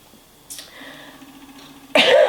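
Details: A single abrupt, forceful cough from an adult who says they are still a bit ill, after a quiet stretch with a soft steady hum.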